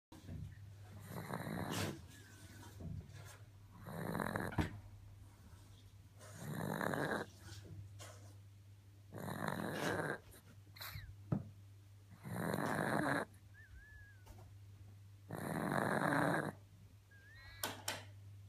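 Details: Loud, rasping snores from Monty, a pug, repeating about 21 times a minute, each lasting around a second, over a steady low room hum; snoring.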